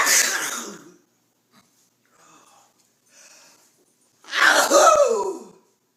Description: This grandma sneezes several times a day. Everyone has a unique sneeze but this grandma sneezes like no other. Her dramatic sneeze is almost like a scream.